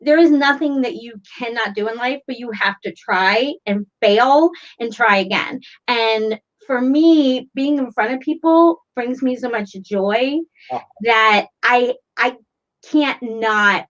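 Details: Stuttering in an adult woman with a self-described really severe stutter who has used fluency techniques for decades.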